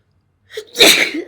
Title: minto sneezing1 short HD